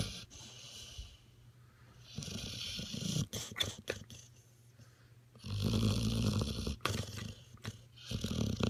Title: Snoring pit bull